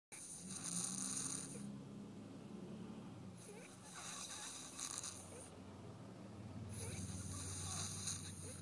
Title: snoring 2